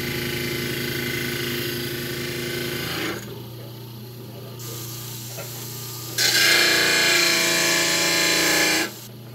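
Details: Dental lab demonstration on a lab model trimmer trimming the base of a thin-based stone dental model: loud whirring grind of the spinning wheel, easing off, then a second burst of grinding.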